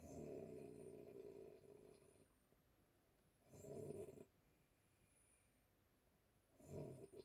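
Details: Elderly woman (grandmother) snoring in sleep: low rumbling snores with quiet gaps, about 20 a minute.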